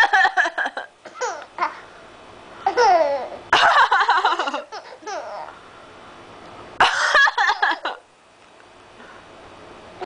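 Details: 7-month-old infant laughing at coughs: two sharp coughs, each followed by bursts of giggling laughter and babbling, in a small room.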